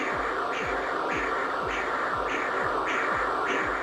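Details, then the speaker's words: Rhythmic whooshing pulses at about 120 a minute over steady hiss from a properly positioned transcranial Doppler probe on a child's head: normal middle cerebral artery flow signal. "this is the characteristic low whooing of the subject's heartbeat from a properly positioned"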